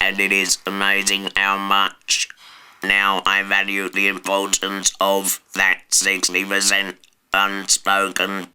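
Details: Person after total laryngectomy (surgical removal of the larynx) with a substitute voice, saying shouting or whispering is impossible; alaryngeal speech after total laryngectomy.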